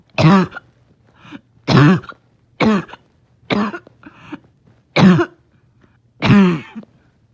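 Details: A dog in the morning, having a hard time resting: six harsh, honking cough bursts with short wheezy after-sounds between them; barking cough.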